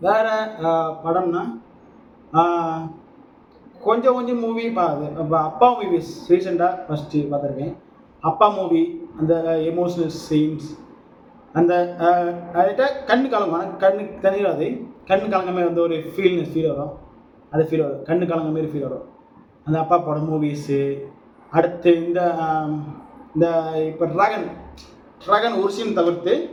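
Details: Adult Tamil-speaking man who says he stammers, speaking with some stammering in a speaking-practice video for a stammering support group, repeating a phrase; stuttering.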